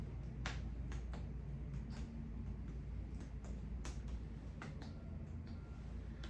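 A series of about fifteen quick, hollow taps of finger percussion across the back, over a low room hum; resonant percussion note over the lung fields, a normal finding.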